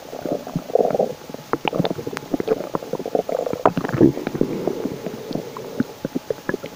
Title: my stomach makes loud noises again 😳😳😁💓